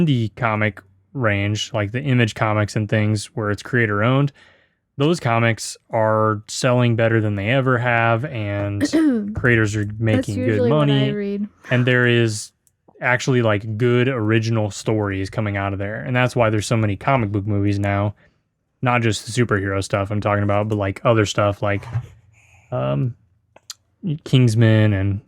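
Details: Adult male speaker; Normal speech.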